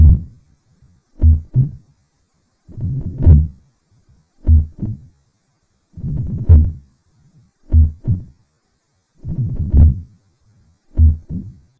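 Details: Mitral stenosis from a lecture on valvular heart disease: a recording slowed four times, with a very loud first heart sound followed by a low rumbling murmur, about 72 beats a minute at real speed.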